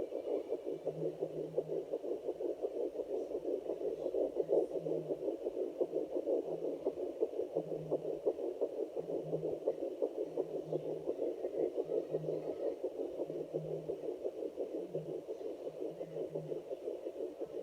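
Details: Fetal heartbeat on Doppler at 10+ weeks of pregnancy: rapid, steady whooshing pulses at about 170 beats per minute.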